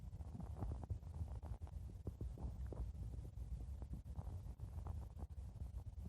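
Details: Stomach growling (borborygmi): continuous low rumbling with soft gurgles and pops running through it.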